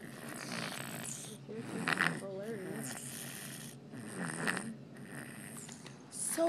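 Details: Sleeping baby (infant) snoring: rough, noisy breathing with snorting bursts on inspiration, with quiet adult voices in the background.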